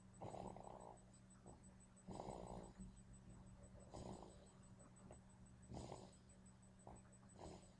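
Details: Person passed out asleep, snoring wicked loud: rough, rattling snores on each breath, about every two seconds, over a steady background hum.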